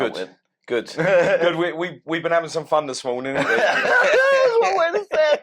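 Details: Adult male speaker; Normal conversational speech.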